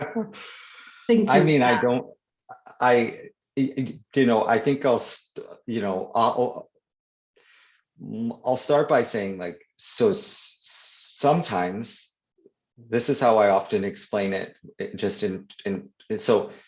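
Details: Stuttering (stammering) in an adult man who stutters, real conversational speech, with word and phrase repetitions.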